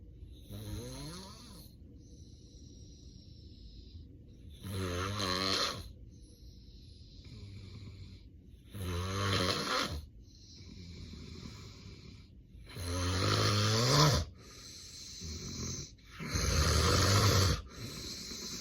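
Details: Real, unplanned daytime nap of someone with sleep apnea and daytime sleepiness: loud, deep snoring bursts about every four seconds with noisy breathing between and apnea pauses, severe obstructive sleep apnea snoring.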